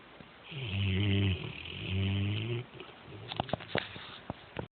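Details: Snoring during sleep: two long, low, rattling snores on the in-breath, followed by quieter clicks and snuffles.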